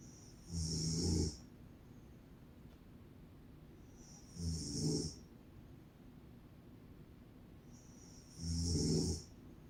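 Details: An adult woman, a mother, asleep, gives three loud, rough snores at about 15 breaths a minute, each ending in a high whistling hiss, likened to a monkey; snoring.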